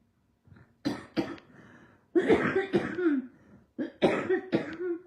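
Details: Several harsh, wet-sounding cough bursts in quick clusters with brief pauses from an adult who is ill, short of her inhaler, with a raw nose and poor appetite; acute cough.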